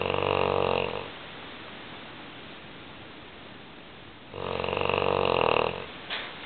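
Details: Loud, long, rattling snores about three seconds apart with quiet breathing between, from a female English Mastiff sleeping in her owner's bed; heavy snoring in a dog.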